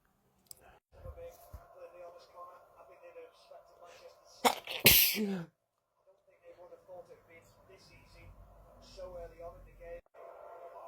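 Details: Male sneezing: one forceful sneeze with a sharp intake and burst, amid quiet background talk and room noise.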